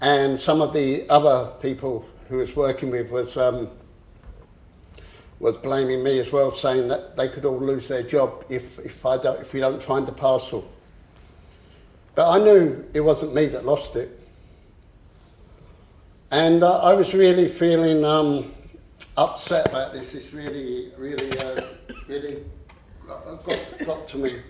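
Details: Adult man with a long-standing stammer who used to swap words and later controlled it with a breathing technique; stammering (stuttering).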